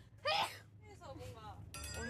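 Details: Girl: a short high-pitched voiced burst, a single sneeze, followed by soft vocal sounds and background music.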